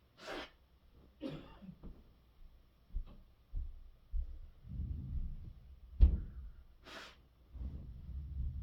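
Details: Repeated hard, harsh coughs in bed with noisy breaths and gasps between them, heard from close by in a quiet room: cough.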